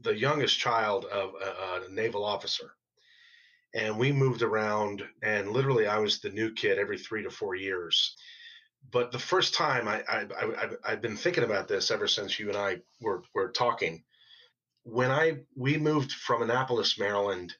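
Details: Stuttering in a 47-year-old man, an adult who stutters; onset in fifth grade after moving to a new city.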